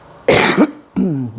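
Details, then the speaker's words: Adult woman on day 19 of a juice detox who woke with a chesty cough; her chest feels like it will explode and is achy and painful, and she has been in bed most of the day. One loud, harsh cough, then brief throat-clearing. "woke up with a cough you know one of those cough when you cough the chest feel like it's going to explode one of those so bit achy bit painy"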